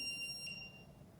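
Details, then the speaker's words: A brief high electronic beep as a training public-access defibrillator is switched on for a casualty who is not breathing, followed by adult-mode voice prompts; AED power-on tone. "So if we've established that our casualty is not breathing, what we are going to do is turn on our defibrillator."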